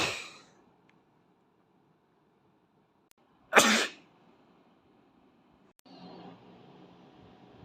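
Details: Single sharp, explosive sneeze from an Asian boy, provoked by tickling with a tissue, preceded by the fading tail of an earlier burst, with quiet room noise afterward.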